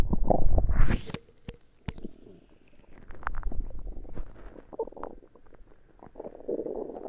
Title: Tummy Ache Gurgles